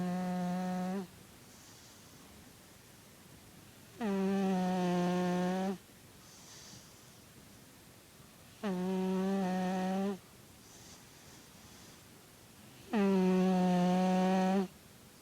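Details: Cat snoring: steady, low, droning tonal snores with each breath, about 13 breaths a minute, with quiet pauses between them.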